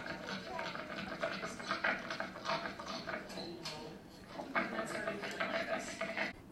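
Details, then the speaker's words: Dog with brachycephalic upper airway syndrome in respiratory distress: loud, rough, snoring-type stertorous breathing with drawn-out noisy breaths, audible to the naked ear. "brachycephalic upper airway syndrome you can hear it's noisy to the naked ear right"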